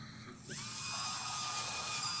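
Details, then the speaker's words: Cadaver lumbar spine, prone, during minimally invasive TLIF demonstration with C-arm: high-pitched surgical high-speed drill whine starting and holding steady as it burrs from outside into the facet joint. "I'm just drilling from the outside into the facet joint there."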